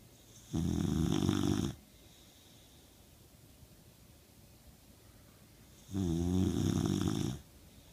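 Two loud, low, vibrating snores, each over a second long and about five seconds apart, with silence between: a dog snoring.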